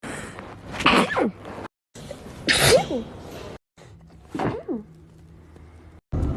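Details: Three separate sneezes in a compilation, each a sharp burst of air after a short intake, with brief gaps between; sneeze.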